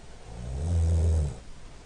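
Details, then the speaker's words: Recording of a sleeping adult man snoring: one low, rumbling, fluttering snore of about half a second, swelling and fading, likened to a purr; snoring. "sounds a bit like a dog at a window. Or a purr. It's like a purring sound. It is quite nice and purry."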